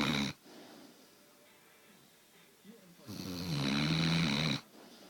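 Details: American bulldog sleeping with tongue out, sucking on her tongue, snores with loud, rattling breaths separated by quiet pauses.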